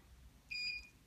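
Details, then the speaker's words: One brief, high-pitched electronic beep over quiet room noise from an electrocautery unit as a small nevus araneus (spider vein) on the hand is treated, the patient warned of a little pinch; electrocautery beep. "this is the Coty it's just a little pinch okay you're going to hear this noise but a little baby pinch right pinch okay"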